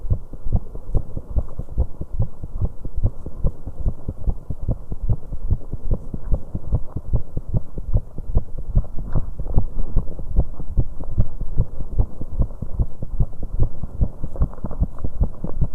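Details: A 19-year-old female after riding an exercise bike: fast, pounding heartbeats with an uneven rhythm from occasional premature beats; rapid post-exercise heartbeat with extrasystoles (PVCs).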